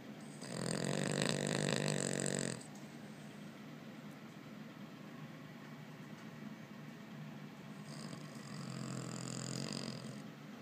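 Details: Dog sleeping on owner's lap in an office: two loud rattling snores a few seconds apart with quiet breathing between them; ordinary snoring.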